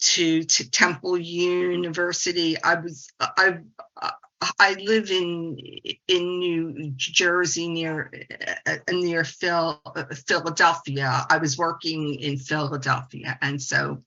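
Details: 68-year-old woman, a speech-language pathologist who stutters and embraced it through the stuttering support community over the past 25 years; audible repetitions; adult stuttering.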